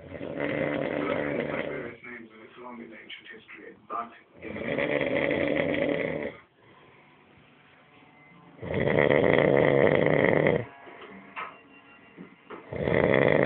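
Very loud, harsh rumbling snores lasting about two seconds each, alternating with quieter breathing; heavy snoring.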